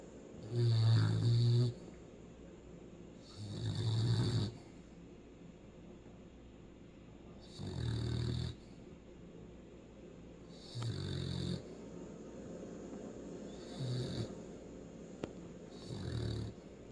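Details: A sleeping hound dog snores in low, rumbling bursts about every three seconds, with quiet pauses between them.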